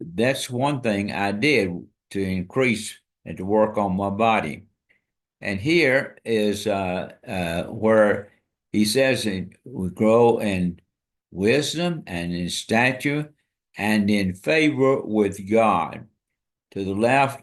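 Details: Dysarthria in an adult man with ALS diagnosed February 2024, after earlier diagnoses of Parkinsonism, Parkinson's disease, spastic paraplegia and primary lateral sclerosis; his speech and walking are failing, and hand use is limited.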